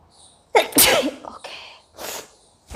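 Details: Sneeze set off by sniffing bay leaf (tej patta) in a sneezing challenge: an explosive sneeze with a sharp burst of air, followed by softer breathy sounds.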